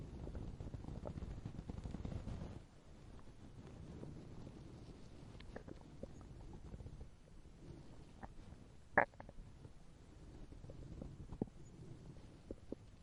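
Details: Hungry stomach growling sound effect: low rumbling and gurgling from the belly with brief squelching pops, typical borborygmi.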